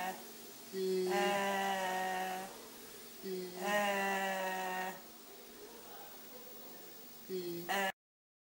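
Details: Voice on the 10th day after surgery for Reinke's edema (polypoid corditis), an early postoperative stage when vocal effort may be temporarily increased; voice after Reinke's edema surgery.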